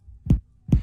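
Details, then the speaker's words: Gastric tympany on abdominal percussion over the air-filled stomach, percussed systematically across quadrants. "As you percuss, expect to hear tympany over air-filled organs, such as the stomach or intestines."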